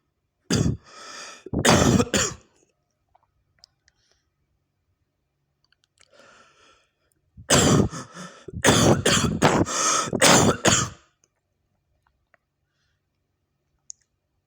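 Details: Adult online motorbike-taxi driver coughing repeatedly: two clusters of harsh coughs, about seven in all, with a pause between.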